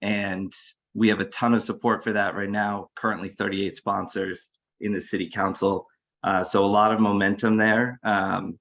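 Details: Adult speaker; Normal voice.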